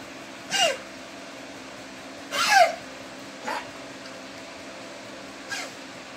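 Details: Dog coughing: four short, harsh bursts in about six seconds, separated by quiet room noise.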